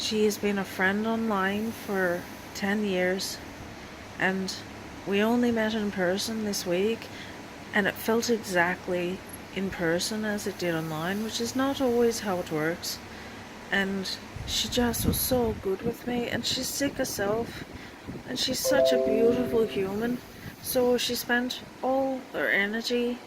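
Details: Transient foreign accent syndrome in an adult woman, appearing after seizures and coming and going; she speaks through lockjaw after returning home from hospital with multiple neurological symptoms and chronic illness.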